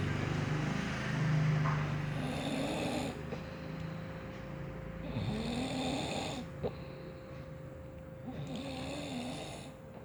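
Repeated vibrating snores, about three in ten seconds, over steady room hum; ordinary loud snoring in sleep.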